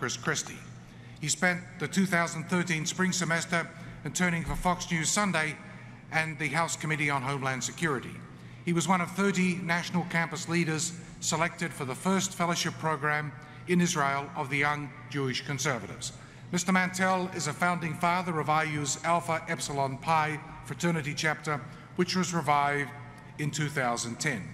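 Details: Adult man; typical speech.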